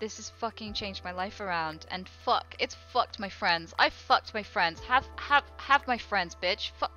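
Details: Woman with Tourette syndrome, speech interrupted by involuntary profane vocal tics and repeated words: vocal tics with coprolalia.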